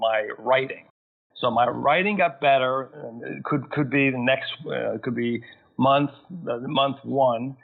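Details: Man who had a massive stroke at age 41 causing global aphasia; thirteen years later still has aphasia, needing more time to process sentences and find words; aphasia.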